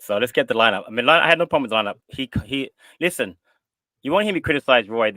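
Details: Adult man speaking; normal voice.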